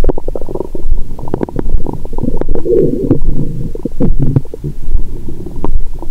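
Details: Continuous low gurgling and bubbling with frequent brief pops and clicks through a stethoscope on a woman's abdomen after a Christmas dinner with wine following a 22-hour fast: active bowel sounds.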